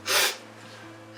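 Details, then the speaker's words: Imitated simple vocal tic of Tourette syndrome, demonstrated as an example: a single abrupt, hissy sniff-like burst. "un type simple c'est un musc qui est sollicité un T complexe ça va être un ou plusieurs musc"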